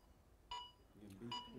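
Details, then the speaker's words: AED class demonstration after a delivered shock: two crisp, evenly spaced metronome beeps with talk between, pacing CPR chest compressions for the rescuer to follow. "it's counting your it's counting your compressions okay so you can just follow along with that"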